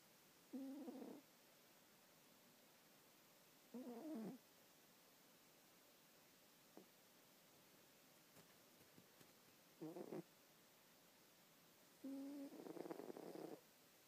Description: My cat aged 15 sleeping he keeps snoring when he dreams and he makes a little twitch :') love him xxxx